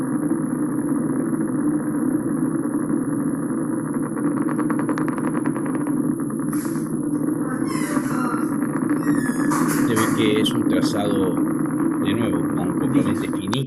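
Dense, continuous crackling static from an EMG speaker, many small rapid pops merging into a full pattern: myopathic recruitment.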